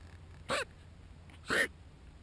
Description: Cute Quokka caught sneezing at the camera not smiling!